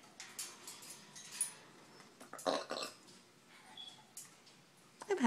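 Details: Soft, throaty burp-like sounds mimicked by an African grey parrot between small chirps, over quiet room noise: burping.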